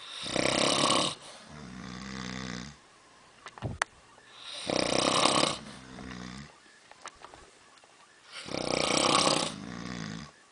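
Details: Two people snoring in a cabin: loud rattling inhaled snores, each followed by a buzzing exhale, about 15 breaths a minute; ordinary snoring.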